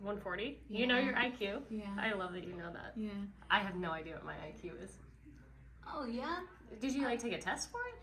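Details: Adult women in conversation; typical speech.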